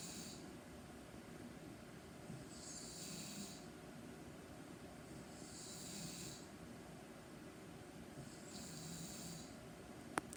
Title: My Mum snoring part two, Is the loudest snorer 🤣 ever. ￼